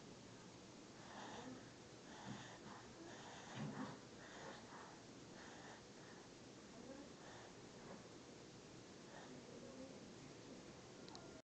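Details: Soft, rough snoring from a sleeping child in hospital, repeating with each breath against quiet room noise.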